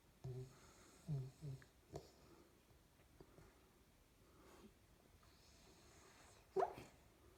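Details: 12-week-old Springer Spaniel puppy snoring and making funny noises while dreaming.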